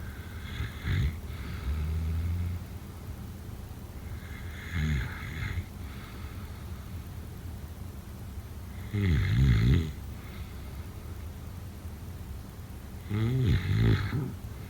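Low rumbling snores with a fluttering, rattling quality recur at irregular intervals between quiet breaths: snoring during sleep.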